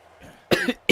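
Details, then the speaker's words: Adult livestreamer who says they have been coughing all the time gives two abrupt, harsh cough bursts in quick succession: cough. "guys I'm so sorry I feel bad that I'm coughing all the time."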